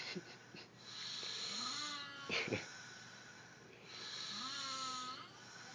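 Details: Two people snoring: squeaky, whistling breaths rising and falling over a few cycles, with a brief snort.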